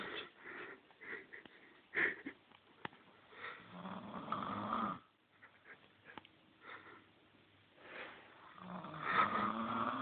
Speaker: This is toffee snoring all night long.